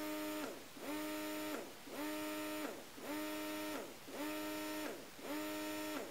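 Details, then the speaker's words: Portable breast pump in stimulation mode: rhythmic whining motor cycles at about 54 per minute, each a sustained pull then release, including a long pull meant to help milk let-down. "so did you just hear that really long pole so that long pole is supposed to help the milk kind of let down"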